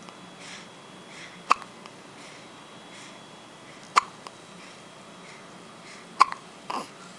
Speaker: What you filming me for? I had the hiccups. So what?